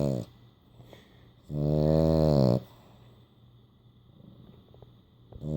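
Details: Sleeping French Bulldog snoring with eyes open and tongue out: loud, buzzing, purring snores on each breath, with quiet gaps between.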